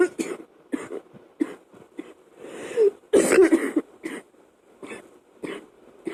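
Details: Coughing fit of short, harsh coughs in quick succession during a chest cold, waking the person from sleep at night; fan running in background.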